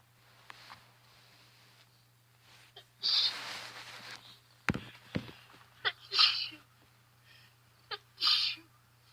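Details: Person with allergies sneezing outdoors: several sharp, hissing sneezes with sniffs and short inward breaths between them, with much sniffling throughout.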